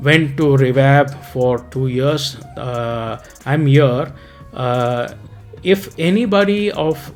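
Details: Residual apraxia of speech in an adult man after a 2018 ischemic stroke; speech lost for 4–6 weeks, initially judged 10% aphasia and 90% apraxia (aphasia later 0%), with facial muscle impairment; about 2 years of rehab, speech regained but slower.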